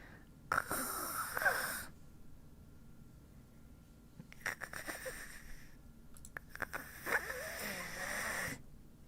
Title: Snores